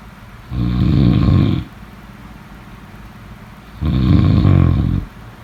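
Two low, rough rumbling snores on breaths about three seconds apart, roughly 18 breaths a minute, with quiet pauses between: snoring.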